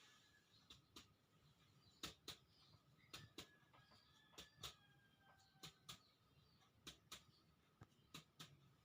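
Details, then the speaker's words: Basic respiratory examination of a 40-year-old man, chest percussion compared right and left: paired finger taps give matching hollow notes on both sides; normal resonant percussion note, lungs normal. "Hai dari pemirsa perkusi secara umum ini itu udah ditemukan bahwa punya dihasilkan antara sisi kanan dan Sisi kiri itu sama episode yang menyatakan bahwa paruh bapak itu normal"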